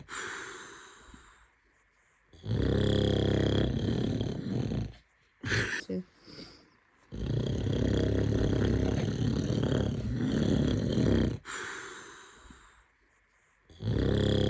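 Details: Adult man (dad) snoring loudly beside his baby; deep rumbling snores on the in-breath, spaced several seconds apart, with brief small baby sounds in the pauses.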